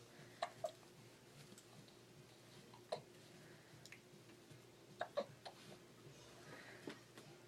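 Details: Faint, sharp catching sounds at irregular intervals, about six in seven seconds, over a quiet room; hiccups in a baby in his early days.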